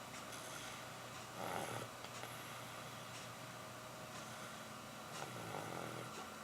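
Soft, rough snoring on two slow breaths about four seconds apart over a steady background hum; ordinary snoring in a sleeping cat.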